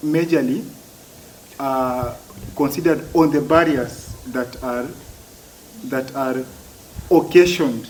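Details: Adult man who has stammered since childhood, for as long as he can remember; stuttering.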